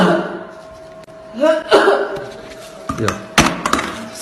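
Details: An adult woman said to be infected with COVID-19 gives a few short, harsh, dry coughs, a dry cough.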